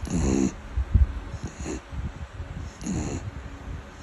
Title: Beagle dog snoring ビーグル犬のいびき(笑)#short